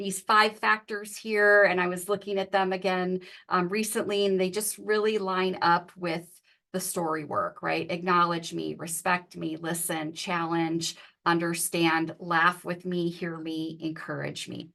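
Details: Adult woman speaking; normal speech.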